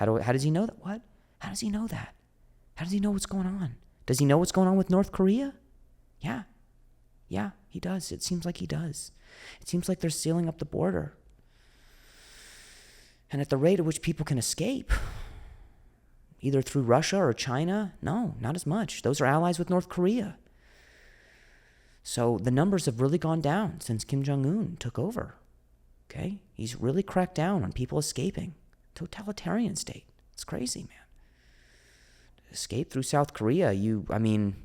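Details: Adult male comedian who stutters; stuttering with audible repetitions.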